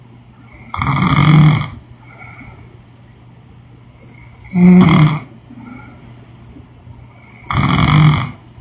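Three loud, rough, low snores on inhaling, with quiet exhaled breaths between, about 18 breaths a minute: ordinary snoring.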